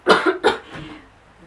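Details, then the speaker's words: Imitated chronic cough, described as lasting about a year and starting in summer: two quick, dry cough bursts with a faint trailing one. "I had a cuff a hole pretty much year and so it started in the summer of like the end of years"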